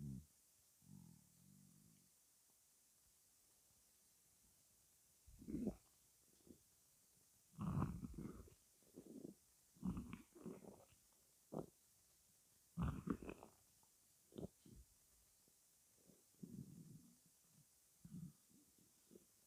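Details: Low, irregular gurgles and rumbles in quiet, with short growling bursts; stomach rumbling the person found unusually weird-sounding, bowel sounds.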